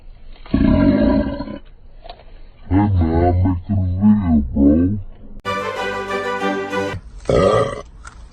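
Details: Woman in a food-dip and belching video: several long, loud, deep voiced belches in a row, some rising in pitch; repeated burping, performed for entertainment.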